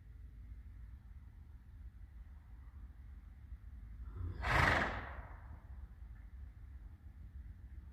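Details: A single sneeze: one short, sharp, noisy burst of air over quiet room noise.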